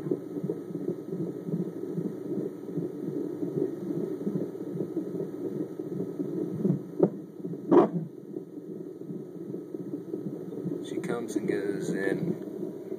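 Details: Fetal heartbeat on Doppler: rapid, steady whooshing pulses, about 155 beats a minute, in the normal range, with loud noises when the baby moves around.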